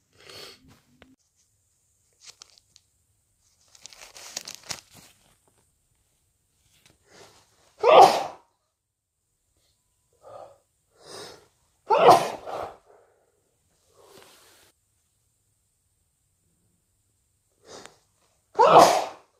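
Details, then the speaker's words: Sneezing with a cold: three loud sneezes with sniffs and nose-blowing sounds between them. "I need to sneeze. I need to sneeze. Bless me. I need to sneeze again. Bless me."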